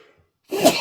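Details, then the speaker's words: Single sudden forceful explosive sneeze after a brief quiet pause, announced just beforehand while tasting a fruity coconut-rum habanero hot sauce, with nose itch. "I'm about to sneeze."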